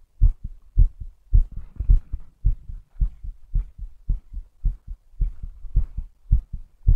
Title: STRONG HEARTBEAT